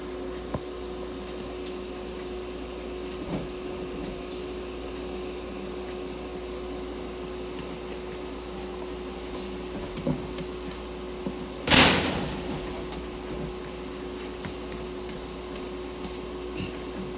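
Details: Budgerigar under veterinary treatment in an ICU incubator giving oxygen therapy: steady mechanical hum and hiss with a brief clunk midway; oxygen incubator running.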